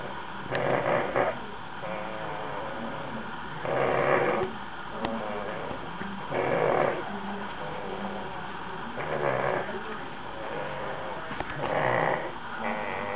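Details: Rhythmic rasping snores with each breath, about 22 a minute, over steady background noise; snoring.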